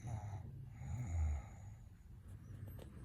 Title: Why do people snore? What are the causes of it?